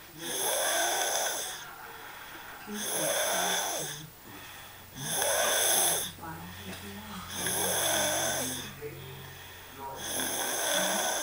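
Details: Person snoring: loud rattling snores with each breath in, about 25 a minute, separated by quieter breaths out over a steady background hum.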